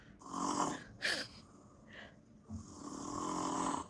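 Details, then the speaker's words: Adult husband's heavy snoring, also with sleep apnoea, recorded overnight by a snoring app beside the bed: loud, rough snores on the in-breath separated by quieter out-breaths. "이렇게 코골이 소리 녹음을 하는."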